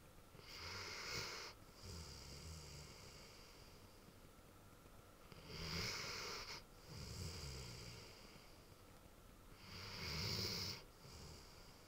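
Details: A big Ridgeback dog snoring loudly: rattling snores with a whistling, snorting edge, about 13 breaths a minute.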